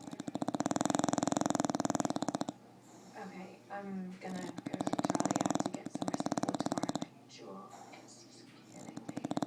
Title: Don The Bulldog Snoring